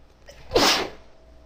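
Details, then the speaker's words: A woman gives a short catch of breath, then a single forceful, hissing sneeze; sneezing. "Oh my god. Oh, bless me. Oh god, but that felt good."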